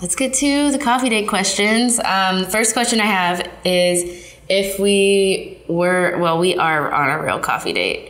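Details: Adult woman speaking; Normal speech.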